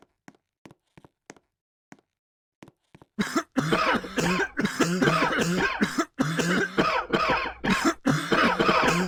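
After a few faint clicks, a loud run of harsh, voiced coughing bursts follows in quick succession, with some throat clearing: repeated coughing.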